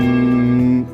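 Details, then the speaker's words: ENT surgeon's simulation of tinnitus types heard in silence or while sleeping, here the temple-bell "ting" type: a steady bell-like ringing tone holding nearly a second, then fading; bell-like tinnitus simulation. "ఒకటి అలల ఓరు మాదిరి, ఇంకోటి దోమ, రెండోది, మూడోది గుడిలో గంట మోగినప్పుడు టింగ్,"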